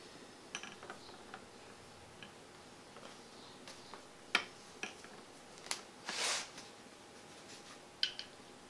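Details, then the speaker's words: Homemade ventilator (CPR mask, foot pump, wiper motor, solenoid valve) cycling: quiet mechanical clicks and a short hiss as the micro switch opens the valve for exhalation, then closes so the pump pressurizes the mask; breathing rate adjustable. "When this micro switch is engaged, this valve opens, allowing the person to exhale. The moment the pump comes off the micro switch, that valve closes, allowing the pump to pressurize the mask. The breathing rate is pretty good."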